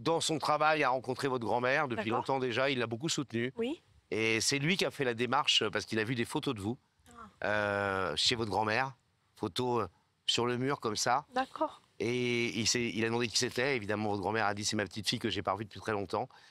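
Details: Adult male speaker; typical speech.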